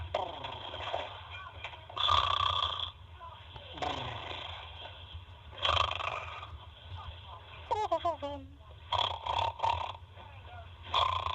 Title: baby snoring